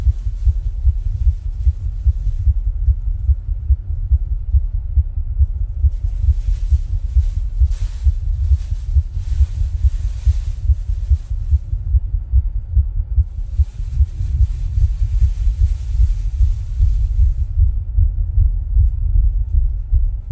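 Muffled low-pitched heartbeat thumps under a steady deep rumble, recorded while breathing in and out of a bag.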